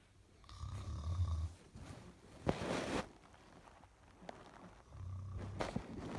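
Low rattling snores on the in-breath, roughly every four seconds, with soft breathing noise between; ordinary snoring in sleep.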